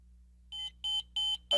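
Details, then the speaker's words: Philips HeartStart MRx monitor-defibrillator in ambulance crew training, selector switched to on: several short, high electronic beeps in quick succession, the last cut off, signalling a passed power-on self-test. "set the selector switch to on the unit will beep four times to indicate that it has passed the power-on self-test"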